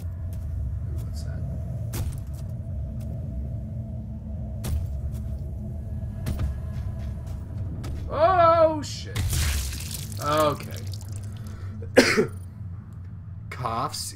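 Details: Coughing during a livestream from a gamer with a horrible cold: a few short coughs and voice sounds over steady game rumble and music.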